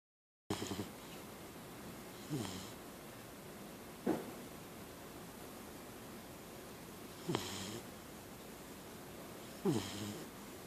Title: Monkey snoring part 2